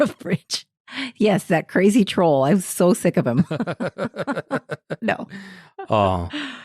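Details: Adult woman speaking; normal voice.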